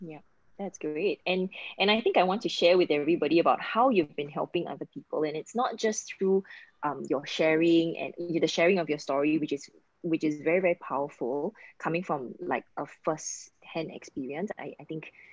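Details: Adult speaker; normal conversational speech.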